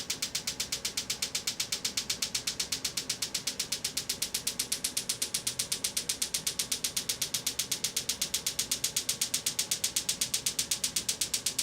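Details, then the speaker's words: Extracorporeal shockwave therapy unit treating Achilles tendonitis: steady, very regular sharp clicking pulses, about four a second. "all right well there you have it we just went through a shockwave treatment"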